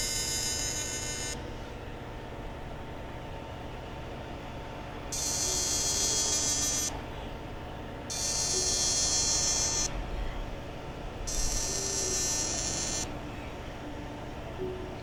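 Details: Fractional CO2 laser (Total FX, 0.3 mm spot) firing during facial skin resurfacing, with stinging hot spots: machine hum with repeated high-pitched buzzing bursts.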